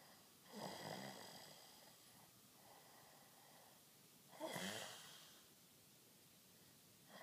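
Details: Two soft, rasping snores a few seconds apart against steady room hiss; ordinary snoring.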